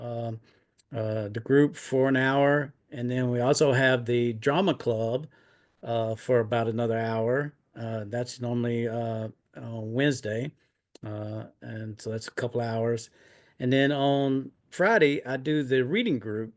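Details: Adult man with aphasia caused by a stroke in 2016, almost nine years earlier.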